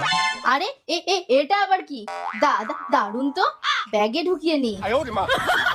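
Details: Acted stuttering in a Bengali comedy skit, with a female sister-in-law character repeating initial syllables: stuttering (acted).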